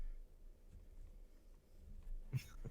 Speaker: That was a weird hiccup. I have weird. That was a hiccup? Apparently. Yes. That sounded like a weird sneeze at first.